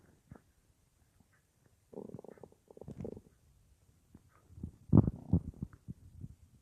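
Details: Irregular gurgling and rumbling bowel sounds at night from a person lying on their left side, recorded by a phone in front of the belly or a mic pressed on it, about an hour after soup with little eaten that day; ordinary borborygmi.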